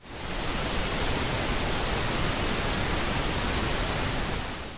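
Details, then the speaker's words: Simulated white-noise-type tinnitus: a steady, even, faint static-like hiss that is constantly present and more noticeable at night when lying down to sleep. "어떤 미세한 잡음처럼 쏴 하는 소리가 늘 은은하게 들린다 하시는 분들 있으신데요. 명확하게 딱 잘라서 말할 수 있는 그런 소리라기보다는 은은하게 약간 잡음처럼 깔려있는 음이거든요."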